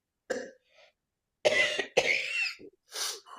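An adult gives several short, harsh coughs with throat clearing between them; an ordinary cough heard in quiet surroundings.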